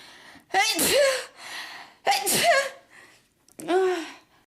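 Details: Girl sneezing: two sharp sneezes, each with a quick inward breath before the burst, then a short vocal sound; sneeze.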